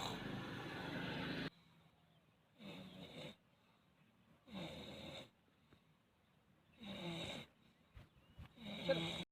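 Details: Snoring during sleep: repeated harsh, buzzing snoring breaths about every two seconds, with quiet pauses between them.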